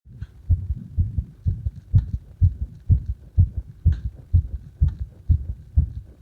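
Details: Own heartbeat recorded during CPR: rapid, regular low thumps at about 125 a minute.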